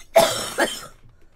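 A single two-part dry cough that trails off, in a quiet room. This is an ordinary cough.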